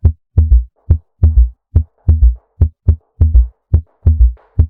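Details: Ventricular (S3, protodiastolic) gallop, teaching audio contrasted with atrial gallop: normal S1 and S2 plus an extra early-diastolic sound, a horse-like galloping rhythm.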